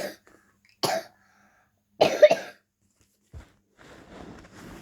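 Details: Cough in a 10-year-old girl while she reads a book aloud: a few short, dry coughs and a throat clear, followed by breathy sounds like quiet laughter.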